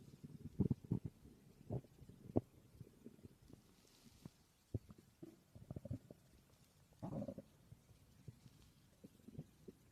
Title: My stomach growling 🥰